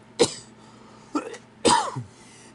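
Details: Patient diagnosed with COPD in 2017, with shortness of breath and heart problems, followed by a pulmonologist and using a Breo Ellipta inhaler: three harsh, loose coughs in quick succession, the last drawn out into a throaty clearing.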